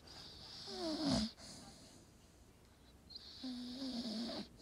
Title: Staffy snoring video 8